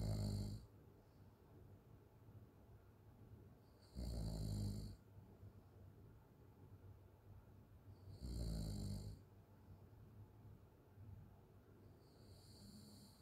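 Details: Loud rattling open-mouth snoring during sleep, about 14 snores a minute with quiet breathing between.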